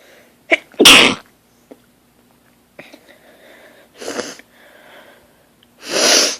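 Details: Human sneeze fit on waking while lying in bed, recorded on a phone, progressively getting stronger: a run of three loud, explosive sneezes with quick breaths drawn between; repeated sneezing.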